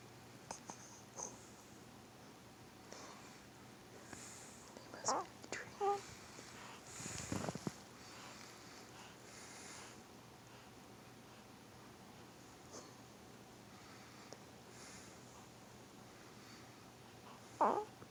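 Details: Sleeping 2-week-old newborn boy with a few faint, brief squeaky grunts and a soft snort-like noise between long stretches of quiet breathing; newborn sleep grunting and snoring.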